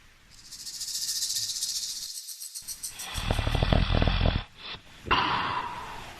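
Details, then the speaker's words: Loud, uneven snoring during sleep, alternately louder and softer, with a sudden silent gap where breathing stops and then restarts; pauses in breathing that the video attributes to sleep apnea-hypopnea syndrome. "刚才这段录音我们听出来是什么？呼吸首先不均匀，一会儿声音大，一会儿声音小，而且还有中断，不连续。那它在中断的这段时间，就说明它没有呼吸，没有氧气的吸入。"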